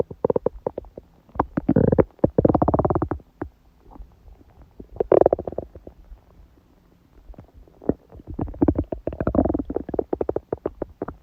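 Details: Woman's stomach growling during her period, with only a dull ache: loud bursts of bubbling, crackly gurgles with quiet gaps between them; active bowel sounds (borborygmi).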